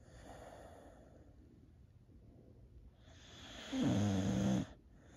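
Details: Old female Boxer dog, feeling a little down, snoring while asleep: quiet breathing, then a short rattling, buzzing snore on one breath lasting under a second.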